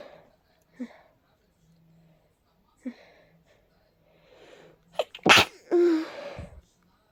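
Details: Quiet sniffles and small catches of breath, then one forceful explosive sneeze with a trailing exhale, from a person with a stuffy, sensitive nose during a cold; sneezing.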